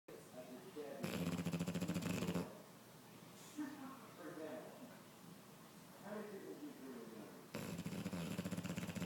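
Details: Snoring while a companion tries to sleep: loud rattling snore bursts at start and end, softer snuffling breaths between, in a small quiet room; snoring.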